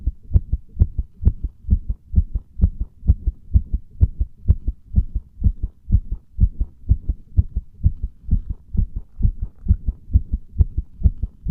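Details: Compression heart sounds: strong, steady, low loud thumping heartbeat at about 130 beats a minute with slight variation, heard with chest compression.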